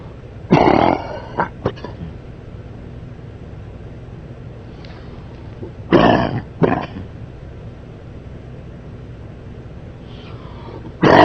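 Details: Adult man coughing during sleep: three harsh paired cough bursts over about eleven seconds in a quiet room, with a fourth starting at the end.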